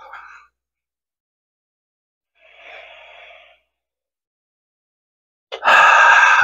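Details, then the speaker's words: Adult using an incentive spirometer as a lung exercise, after exhaling fully: breathy airflow with a slow, steady drawn-in breath to raise the disc to the top and hold it. "so want to keep like this nice slow steady breath on it um just to slowly raise that disc all the way to top and then hold it for a second"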